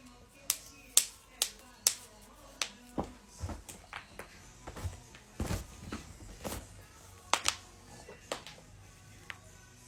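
A series of sharp, dry pops and clicks, typical of joints being cracked.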